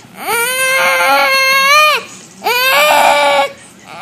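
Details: Infant during tummy time, just after a little cough: two sustained, high-pitched wailing cries, each about one to two seconds long, with a brief pause between; infant cry.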